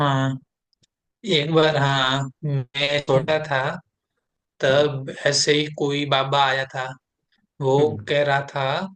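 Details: Client in a stammering therapy session who reports difficulty at the start of utterances rather than the end; therapist calls it a different type; stammering.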